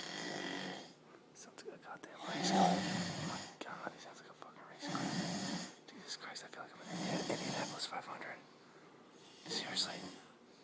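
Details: Man snoring while on vacation, said to snore like a race-car and to have kept others awake at night: loud, rasping snores about every two seconds with quiet pauses between them; loud, heavy snoring.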